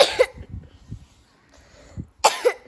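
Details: Two short double coughs from a young child who has a cough and is being given medicine and water, separated by quiet breathing and faint room noise.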